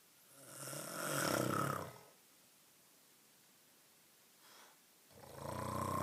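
Two loud, harsh snores on breathing in, separated by a quiet gap of a few seconds. Ordinary snoring.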